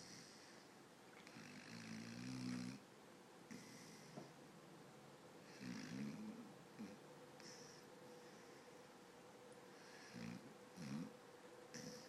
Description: Sleeping dog snoring and twitching.